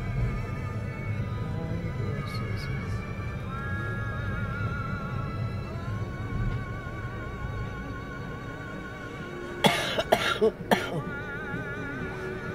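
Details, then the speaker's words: Adult woman with a severe cold coughing in a car: a short run of about four forceful, deep chest coughs, described as coming from deep in the chest, over road noise and background music. "네, 저 어머니 기침 소리가 보통 기침 소리가 아니다. 이거 좀 이거 되게 심한데 이거."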